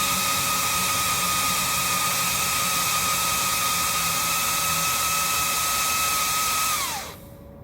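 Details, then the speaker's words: Avea ventilator being set up with nasal cannula circuit for a baby, running its extended self-test (EST): steady rushing hiss with a high whine gliding down and stopping; calibration completed successfully. "So, now we're going to click continue and it's going to do its thing."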